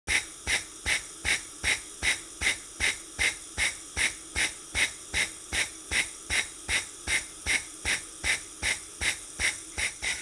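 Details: Rapid, very regular hissing air pulses, about 150 a minute, from an intrapulmonary percussive ventilation device (Phasitron) running with a clear Phasitron and nebulizer cup.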